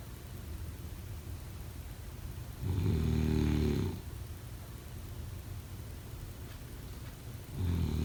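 Two loud, low, rattling snores about five seconds apart, with quiet room noise between them; typical sleep snoring.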